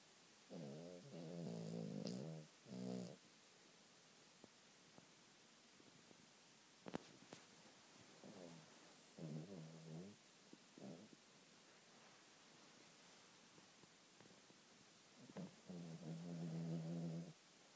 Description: My King Charles Cavalier snores!!!!!